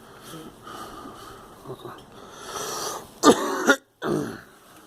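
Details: Girl coughing: a child gives a short run of harsh, wet-sounding coughs after quiet rustling and breathing; cough.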